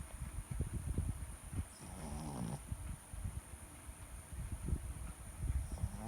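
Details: Shih Tzu snoring: low, fluttering snorts and rumbles over a steady background hiss in a small flat-faced dog.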